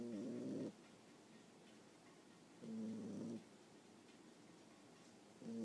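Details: Boxer puppy about 9.5 weeks old, asleep and snoring, with the mic held close to her face at times. Slow, regular rumbling snores with quiet pauses between breaths, about 22 a minute.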